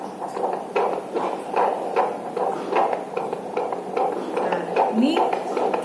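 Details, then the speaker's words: Fetal heart sounds on Doppler during a midwifery antenatal examination of a pregnant woman: rapid, regular whooshing beats about 150 a minute, described as sounding like galloping footsteps. "bisa lihat bunyinya seperti derap kaki langkah"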